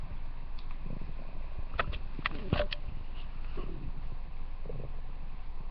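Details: Stomach growling (borborygmi) for a fictional character: low rumbling with a few brief gurgling bursts, ordinary gut sounds from moving gas and fluid.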